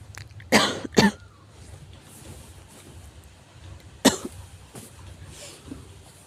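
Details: Severe cough in an adult: loud, harsh coughs, two close together, then two fainter ones after a pause.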